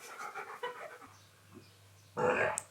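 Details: Rapid, soft breathy puffs from a male dog, followed by a louder burst at the end; panting.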